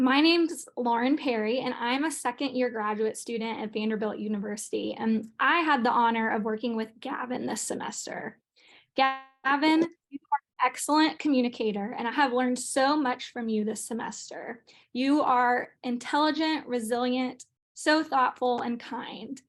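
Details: Adult woman; normal fluent speech.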